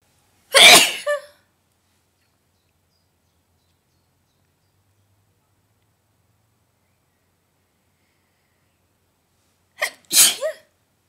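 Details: Two sharp, hissing adult sneezes about nine seconds apart, the second with a brief catch; from a compilation of varied sneezes, including loud, quiet, false starts, stifled and muffled ones.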